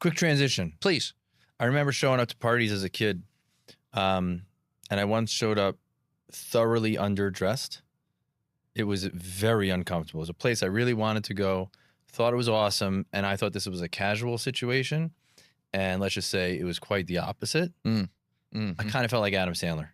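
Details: Adult man; normal speech.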